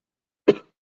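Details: A single short, sharp cough against silence during a live chat, followed by an apology; an isolated cough.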